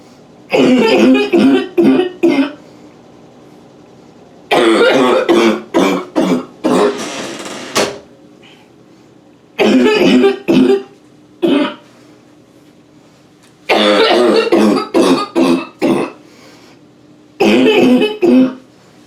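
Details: Quick coughing fit in a bathroom: repeated harsh, rapid cough bursts in clusters with gasping breaths between, eyes watering from gasping for air, some spitting; echoing room.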